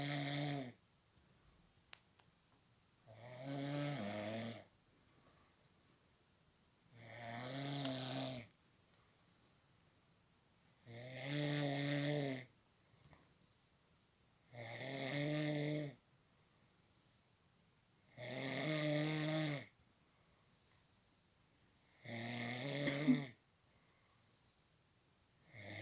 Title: Snoring sound